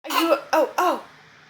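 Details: Young girl's short coughing bout: three quick, voiced, high-pitched coughs in a row, then quiet.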